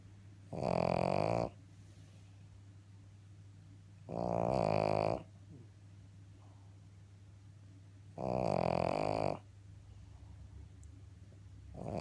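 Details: Sleeping female pug snoring: regular loud, buzzy snores about every four seconds, roughly 15 per minute, with quiet between.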